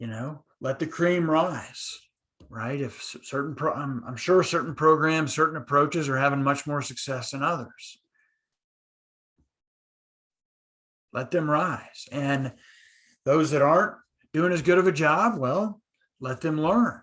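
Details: Adult man who stutters; stuttering.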